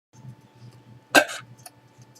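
A single sharp, brief gulping burst over a quiet low hum, fitting one hiccup or small burp.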